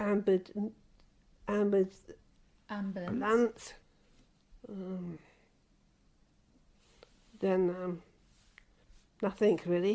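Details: Older woman with aphasia since a stroke about 26 years ago, worsened during the pandemic lockdown; word-finding and number-naming difficulty as she counts while trying to give her age; chronic post-stroke aphasia.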